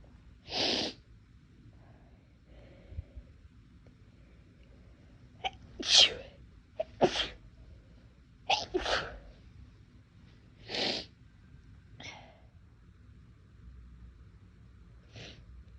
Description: I’m normally not one who sneezes a lot throughout the day but it was like my nose was a lot more sensitive today, so I thought I’d try to induce to see what happens and here we are.